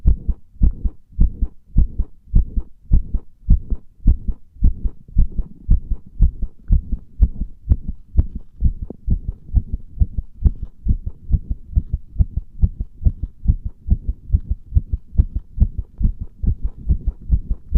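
Steady, deep, muffled heartbeat thumps recorded under pressure, with a low hum between beats.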